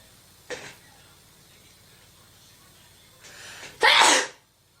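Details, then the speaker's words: A woman who says she has to sneeze while demonstrating products and scarves: a brief catch of breath, a short inhale, then one sharp, hissing sneeze burst: sneeze. "I have to sneeze sorry oh I got to sneeze"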